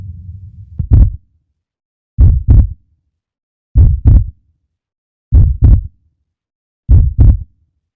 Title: Heart sound...Lub-Dub.. Heartbeat......